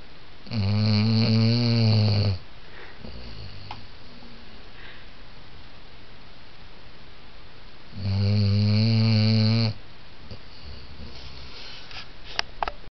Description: Basset hound snoring